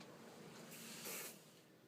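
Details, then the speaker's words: Foam sprayed for preoperative surgical site skin preparation: a soft hiss swelling briefly louder. "what's the deal with all this phone we've been spraying"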